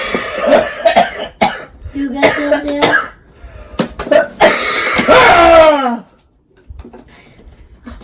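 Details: A long run of loud, repeated coughs ending in a strained, voiced, drawn-out sound, then quiet room noise. Cough.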